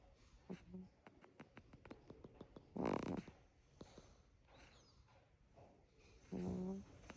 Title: Crickets little hums and snores. Goodnight friends💜